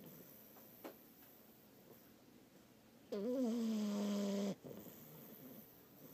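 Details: French bulldog puppy about two months old, asleep: a single drawn-out, squeaky, whistling snore lasting over a second.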